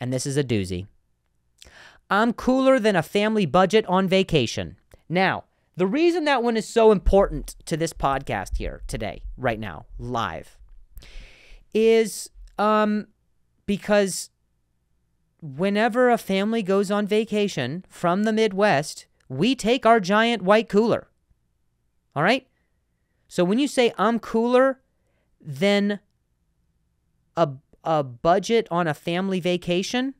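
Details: Adult male comedian who has stuttered for a long time and still sometimes does; word repetitions in this stretch; stuttering.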